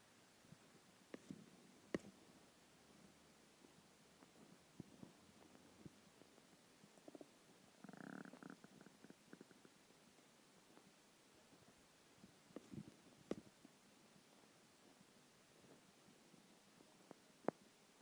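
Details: Hunger stomach noises after skipping lunch: quiet scattered gurgles and pops with one longer rumbling growl; normal borborygmi.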